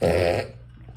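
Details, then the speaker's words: A dog makes brief, loud snorting, grunting noises during sharp inward breaths instead of expiring, a respiratory reflex: reverse sneezing. "C'est ce qu'on appelle le reverse sneezing et je vais t'expliquer comment réagir. Le reverse sneezing, c'est juste un réflexe respiratoire."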